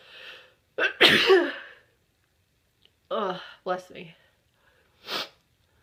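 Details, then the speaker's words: Person who has a tickle and thinks they might be coming down with something: a series of sharp, explosive sneezes with short pauses between them, in a quiet room. "Oh, I got a tickle. Oh, it's stuck in there."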